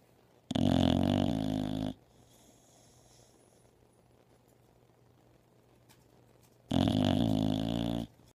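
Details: Two loud, rough, rattling snores about six seconds apart with quiet breathing between; heavy snoring during sleep.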